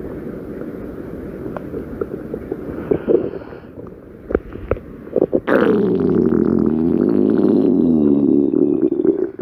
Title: stomach growling 10